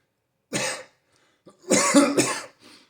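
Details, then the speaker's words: Adult with stage 4 alveolar soft part sarcoma on new immunotherapy gives three harsh cough bursts, the last close together, with a quieter trailing cough; the coughing leaves them out of breath, and a lung specialist appointment is being scheduled. "while I coughing really got me out of breath yeah I kind of lost track out what I was saying there"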